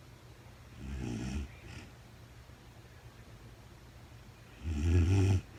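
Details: Real-time recording of a woman sleeping, very tired, no talking: two deep, low, rumbling snores with a quiet pause between; ordinary snoring in sleep.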